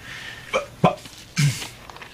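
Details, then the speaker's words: Vocal tics of Tourette syndrome in a dramatized scene, heard while a person with Tourette's talks about a bad job interview. "sh well was the worst interview I've ever had all he could see when he looked at me was my teret that's all any of them see"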